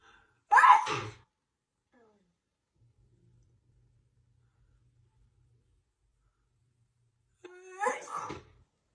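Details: Woman's sneezing fit on camera lasting 2 minutes 27 seconds: two sharp explosive sneezes several seconds apart, each preceded by a quick intake of breath.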